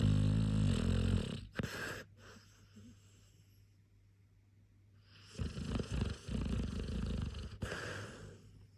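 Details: A sleeping female dog snoring very loudly: loud, rough, fluttering snores on each breath in, with a quiet pause between them; snoring.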